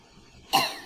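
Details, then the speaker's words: Single short, sharp adult cough without wheeze or rattle, presented as a normal cough in a set compared with asthmatic and upper or lower respiratory infection coughs for AI classification. "collected a bunch of cough sounds and we try to see if we could detect from the cough if something is asthmatic has an upper respiratory tract infest infection or a lower respiratory tract infection okay here we have a normal cough"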